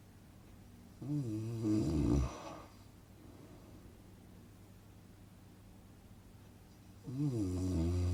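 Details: Relaxing snoring sound-effect recording for sleep: two loud, rattling inspiratory snores separated by a long quiet expiratory pause; snoring.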